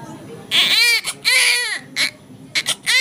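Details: Just-born baby boy in an Indian hospital after a normal delivery, with normal birth weight: several loud, high-pitched crying bursts separated by short breaths, a vigorous, healthy newborn cry immediately after birth.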